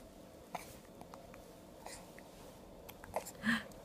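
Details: 8-week-old infant: several short, sharp catches in breathing over a few seconds, with faint room noise; hiccups.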